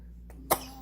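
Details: 2-month-old baby's sudden sneeze: a single brief, sharp burst of air preceded by a faint intake; an ordinary infant sneeze.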